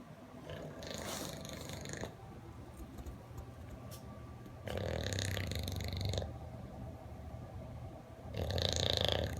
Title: Bulldog snores